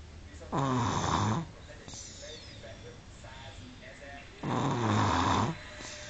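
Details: 18-month-old baby snoring: two loud, rough, vibrating snores on in-breaths about four seconds apart, quieter breathing between.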